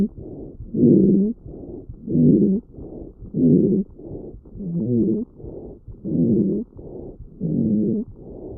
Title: Lung sound Rhonchi #lunges #Sound #Rhonchi